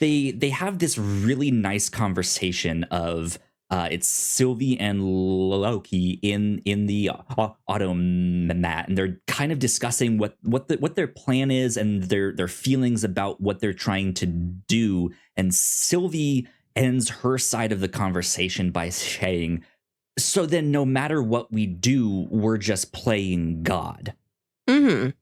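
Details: Adult male podcast host with a self-reported speech impediment; repeated words heard; stuttering.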